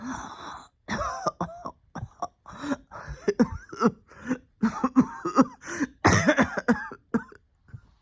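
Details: Persistent cough lingering about a year after a significant illness, with ongoing breathing difficulty: about a dozen short harsh coughs in quick runs with brief gaps.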